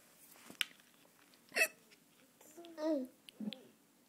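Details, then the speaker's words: Mother's repeated short, sharp hiccups at dinner time, with a child laughing and vocalizing between them; hiccups. "more what it's so funny he laughing at my hiccups you shouldn't laugh at Mama's hiccups I can't help them"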